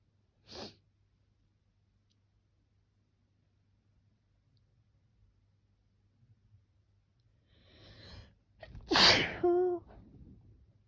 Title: Sneezing pt6 sniffles